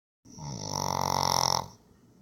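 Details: Pug snoring: one loud, drawn-out, vibrating snort-like snore lasting over a second, then quiet breathing.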